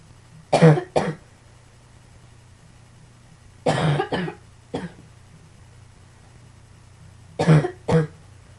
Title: Some more coughing